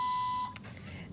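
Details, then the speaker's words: A steady high-pitched electronic beep that ends abruptly, then quiet room noise: an IV infusion pump alarm in a mother's hospital room after an emergency C-section; the pump has kept malfunctioning since the surgery. "and I just have to call for the nurse just one of the many things we have to deal with"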